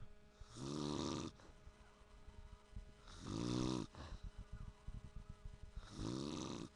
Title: dad snoring